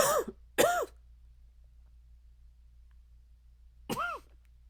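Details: A male's three short, harsh, dry cough bursts with a barking, honking quality and quiet pauses between them, strong enough to shake his chest; dry barking cough.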